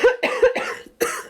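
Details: Adult with a cold/flu: a quick run of about four harsh, partly voiced coughs in a small room.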